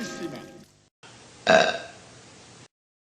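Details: Single loud, rough belch from a dog (Tango) after a short burst of music; dog burping.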